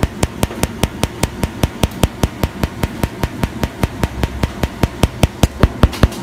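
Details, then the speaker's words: Fractional CO2 laser treating a young man's keloid scar from an accident about 1.5 years ago: steady sharp clicks, about 150 a minute, over low room hum as the laser fires its pulses. "À cái laser này khi mà bắn vào thì nó sẽ phá vỡ sắc tố ngay lập tức và nó sẽ trả về cho mình cái màu da giống như là cái màu da ban đầu"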